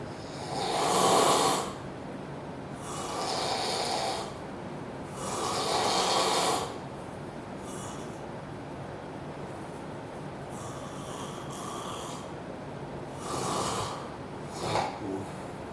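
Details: Man snoring so loudly it seems he should wake himself: loud, rough snores with breathy exhales, about 12 breaths a minute, some snorting; heavy snoring.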